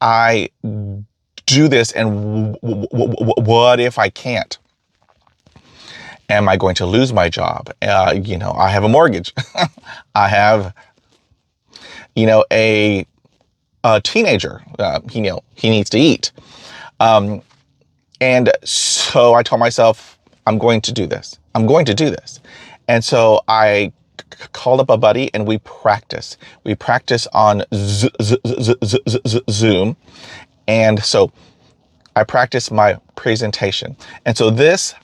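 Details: Adult man who stutters, describing himself as having a stutter and a speech impediment and getting hung up on words; repeated phrases in this stretch; stuttering.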